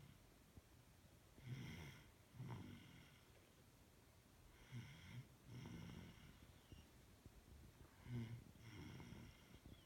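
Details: Male, snoring like his father; soft, low snores on in- and out-breaths, about 19 a minute, slightly irregular over quiet room noise: snoring in sleep.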